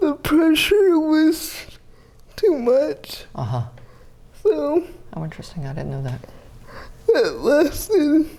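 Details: 30-year-old woman with GMFCS Level 4 (severe) cerebral palsy, quadriplegia with an athetoid component, using a power wheelchair; speech may be difficult to understand; dysarthria.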